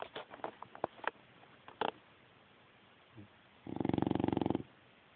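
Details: Sleeping dog: small clicks and snuffles, then one long buzzing, fluttering snore on breathing in; snoring.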